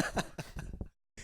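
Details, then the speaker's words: Adult man with asthma, sick with sniffling and coughing: a quick run of about five short, rough coughs ending in silence. "You can probably hear me sniffling and coughing."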